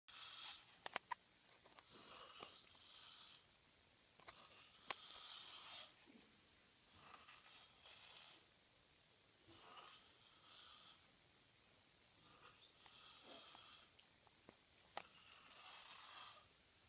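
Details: Rhythmic, hissing, rattly snoring breaths about every three seconds, roughly 20 a minute, with occasional clicks; snoring in sleep.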